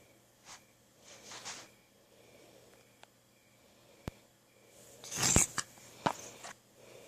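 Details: Young child imitating father's snoring with breathy, hissing nasal and throat snorts; simulated, not true sleep snoring.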